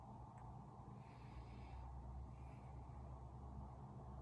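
Soft, low rustling breath sounds through a stethoscope: normal vesicular breathing over the right upper chest.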